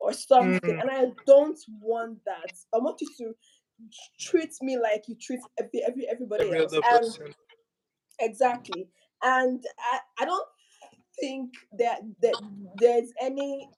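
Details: Adult speaker; stuttering.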